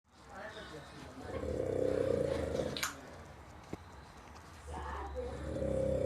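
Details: Heavy snoring in a person asleep after heavy drinking: loud, rough, rattling snoring sounds during breathing, with room noise behind.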